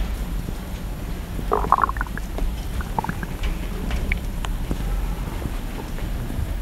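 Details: Stomach growling ASMR with slosh and crackle: low rumbling with scattered gurgles and small pops over steady low background noise; bowel sounds (borborygmi).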